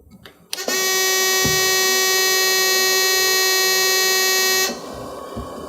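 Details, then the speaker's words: NewLife Intensity 10 oxygen concentrator just switched on, warm-up period: loud steady electronic tone for about four seconds, then lower hum; normal start-up alarm. "notice that the unit's going to alarm which is perfectly normal initially another thing you're going to notice is that on the right side your oxygen monitoring light will be illuminated again this is perfectly normal this is known as the warmup period"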